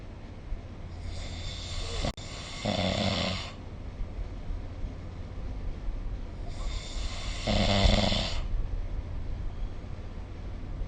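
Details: Snoring during sleep recorded with the SnoreLab smartphone app: two loud, harsh, rattling snores about five seconds apart against steady room noise.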